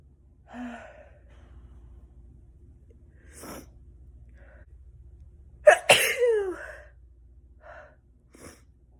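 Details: Person sneezing: a sharp gasping intake, then an explosive sneeze, with a few quieter breaths and small sounds around it in a quiet room; sneezing.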